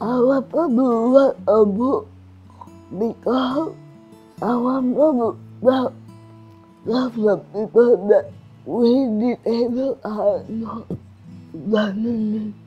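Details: Adult woman with cerebral palsy and restricted movements; dysarthria (slurred speech) due to cerebral palsy.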